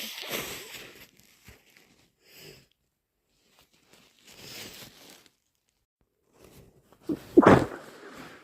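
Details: Several noisy nose-blowing bursts in a quiet room in the morning, then one sharp explosive sneeze, during a cold; sneezing.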